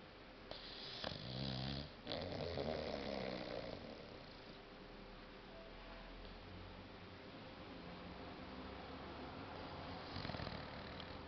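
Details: Loud, rattling snore, strongest at first, then settling into quieter, rough breathing; a 6-month-old boxer puppy sleeping deeply, dreaming and snoring on the couch.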